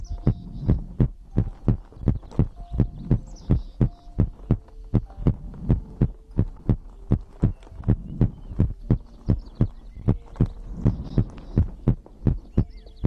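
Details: Normal heartbeat recorded as an ASMR compilation of the person's own heartbeat and breathing for sleep: regular low double thumps at about 85 beats a minute with a faint hum behind.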